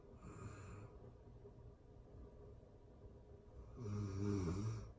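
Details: Real-time recording of a person asleep, excerpted from a longer session: quiet breathing, then one low, buzzing snore lasting about a second; snoring during sleep.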